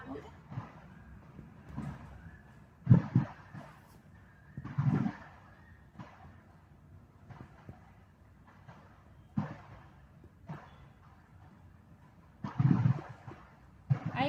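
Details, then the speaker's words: Chest percussion in a respiratory physiology practical, tapping the middle finger down the intercostal spaces along the midclavicular and midaxillary lines; dullness at the eighth intercostal space marks the lower lung border. "then six then seventh on eight i am getting dullness so done mid clavicular and mid axillary"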